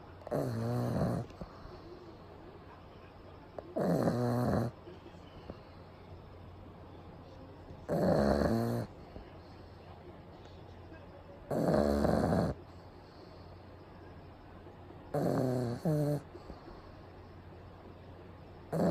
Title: パグが豪快ないびきをかきながら白目でお昼寝中。The pug is just snoring and sleeping